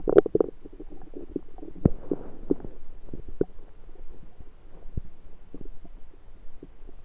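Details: Bowel sounds (borborygmi) of a rumbling stomach recorded with a USB stethoscope: low gurgling rumbles with scattered pops and clicks, ordinary active bowel sounds.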